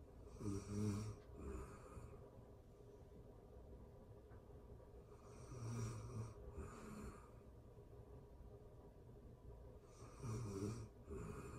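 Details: Real-time recording of a person asleep: slow, rhythmic snoring, about 5 breaths a minute in paired inhale and exhale bursts, over steady background hiss; snoring.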